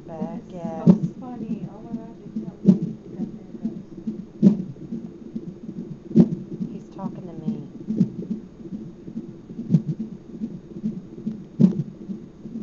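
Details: Hiccups recorded in a hospital, where a parent went for stomach pain, over a soft pulsing monitor background: sharp rhythmic jolts about every two seconds, roughly 34 a minute, seemingly speeding up.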